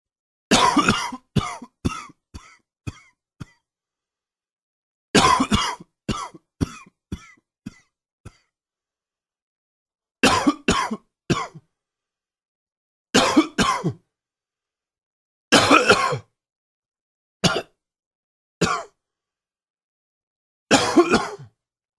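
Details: Allergy-related morning coughing: repeated bouts of harsh coughs, some in rapid runs of several, separated by brief silences: cough.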